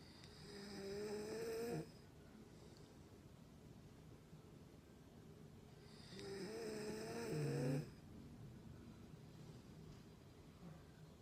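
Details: Sleeping dog that recently started snoring really loud: two long, loud, buzzing snores on inhaling, about six seconds apart, with quiet breathing between.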